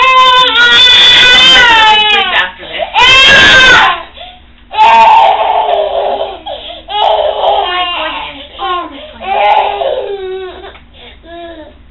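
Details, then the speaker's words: Infant boy at the first activation of his cochlear implant, never having heard before, level slowly raised from very low: loud rising and falling wails with brief breaths between, in a small quiet room. "I mean it's sad that he's crying but I'm happy that there's a response nothing I'm just like you know he's hearing something so it was bittersweet"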